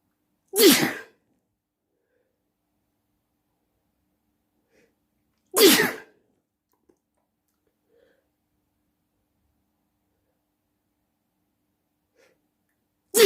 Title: Loud sneezing at night